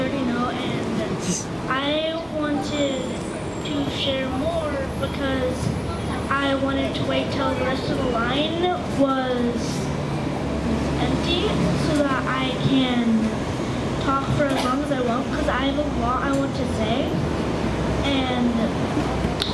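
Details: Stuttering in a child attending a camp for young people who stutter, speaking to a crowd.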